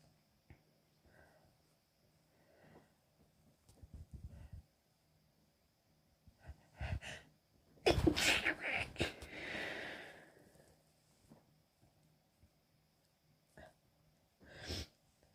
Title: coming down with a cold - small, hitchy sneezing fit (f)